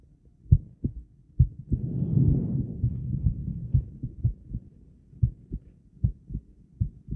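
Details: Low, thudding heartbeat at an uneven rhythm with pauses and occasional skipped beats, a brief rushing breath sound partway through, recorded a while after exercise with breath holds added; heartbeat with skips.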